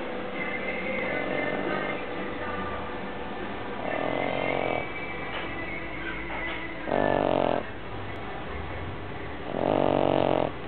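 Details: Pug dog snoring: short, snorting snores repeating every few seconds over steady background music, a flat-faced dog's noisy sleep breathing.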